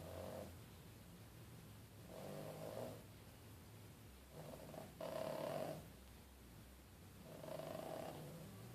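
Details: Sleeping subject who snores: soft rhythmic rasping breaths, each under a second, about 15 a minute; snoring.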